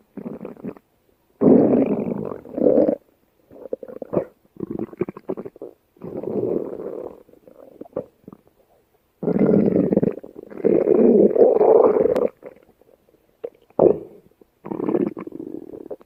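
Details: Long, low gurgling and rumbling stretches with short bubbly pops between; stomach growling (borborygmi), normal gut movement.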